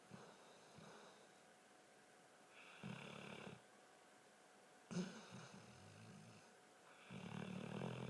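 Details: Snoring: irregular, rough, rattling snores with snorting breaths in a quiet room.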